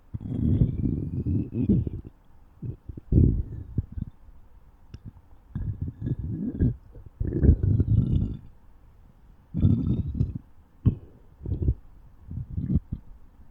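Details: Low rumbling gurgles in irregular bursts with quiet gaps: stomach growling (borborygmi) from gut movement.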